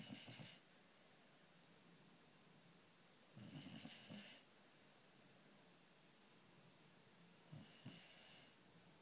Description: My dog fast asleep snoring away